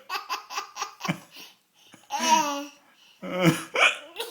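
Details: An adult's sudden, abrupt hiccups while an infant laughs rhythmically around them; hiccups.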